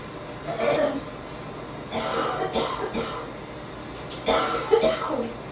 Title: September Coughing 2